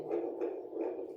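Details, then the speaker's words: Handheld fetal Doppler with gel applied, volume adjustable, picks up rapid, rhythmic whooshing pulses of a fetal heartbeat during a demonstration of the device. "দেখুন এখানে heartbeat আসতেছে এখানে sound কম বেশি করা যায়"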